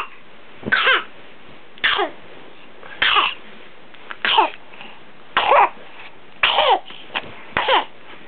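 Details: Child recorded for doctor during a suspected whooping cough (pertussis) paroxysmal coughing episode; diagnosis unconfirmed as prior antibiotics for pneumonia were given.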